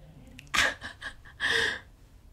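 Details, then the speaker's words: A sleeping cat snoring in a quiet room: soft, hissing breath noises, a light snore, heard in the background while a person talks. "il ya mon chat qui ronfle donc si vous entendez"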